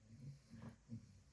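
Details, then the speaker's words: A senior dog snores in the background while its owner talks. "You can probably hear my senior dog snoring, so I hope you enjoy it."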